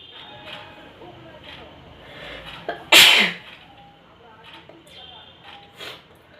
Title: Sneezing Challenge //Funny video